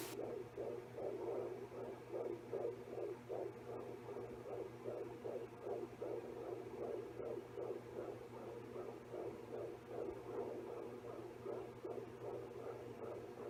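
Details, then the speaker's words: Fetal heartbeat on a home fetal Doppler, used by a pregnant woman after heavy first-trimester bleeding: rapid, regular whooshing pulses about 150 per minute over a steady hum. "Since I'd had so much bleeding during the first trimester and was so worried all the time, being able to listen to the baby's heartbeat every few days just really helped put me at ease."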